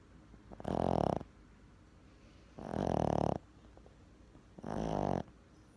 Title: Napping and snoring 😘